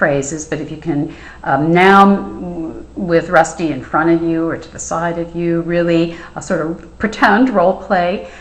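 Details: Adult clinician; Normal speech.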